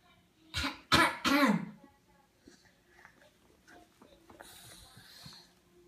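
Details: Young child copying mommy's cough: three quick voluntary imitated coughs, followed by quiet room sounds.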